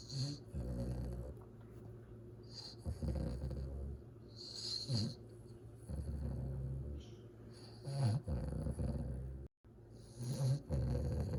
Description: Cute Cane Corso 2 months old puppy snoring. Fawn Italian Mastiff pup.